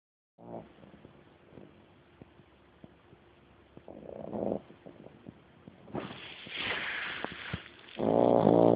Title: Cute dog snoring